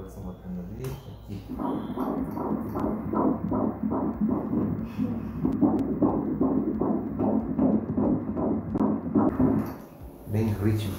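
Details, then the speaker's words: Rapid, regular whooshing fetal heartbeat on ultrasound Doppler at 154 beats a minute, a normal rate, during a fetal sex scan of a first pregnancy, stated as 13 or 15 weeks. "در حال حاضر، نرخ 154 154 ضربه در دقیقه عالی است."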